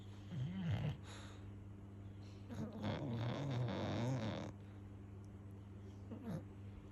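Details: Sleeping English Bulldog puppy snoring: rumbling, snorting snores with low grunts and whimper-like noises over a steady background hum.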